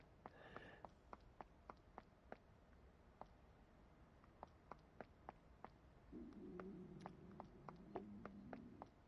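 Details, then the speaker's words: Adult's stomach rumbling from hunger despite having eaten a bowl of cereal for breakfast, a low wavering gurgle amid sharp clicking. "oh if you can hear that that was my stomach rumbling oh my God I am absolutely hungry today"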